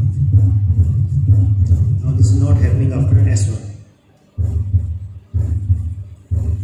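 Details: Teaching recording of a mitral stenosis murmur played in an auscultation workshop. As a left-sided murmur it accentuates on expiration.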